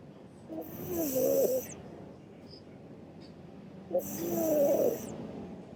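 Two soft, whistling, fluttery snores about three seconds apart, each on a breath in, from a sleeping cat: snoring.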